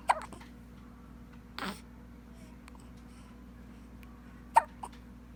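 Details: Baby with hiccups in a quiet room: a few brief, sharp hiccup sounds spaced several seconds apart; infant hiccups, a normal finding.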